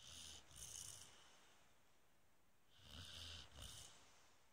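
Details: Springer spaniel dog snoring loudly: two snuffly, hissing snoring breaths, each with a short snort, separated by a quiet pause; snoring.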